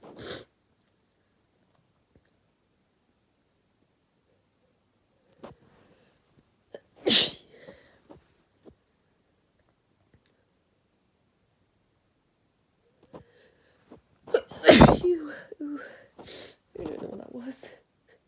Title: A few induced sneezes and a nose blow (F)